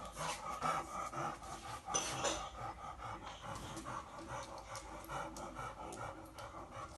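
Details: Dog after surgery breathing fast and noisily, each breath in carrying a harsh, raspy, high-pitched sound: inspiratory stridor.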